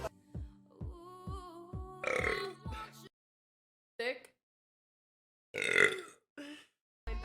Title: Random Girls Burping compilation